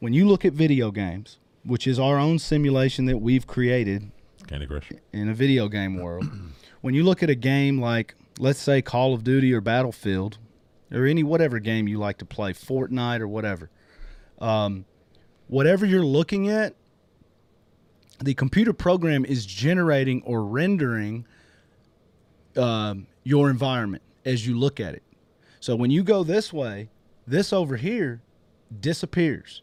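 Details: Adult male speaker; normal speech.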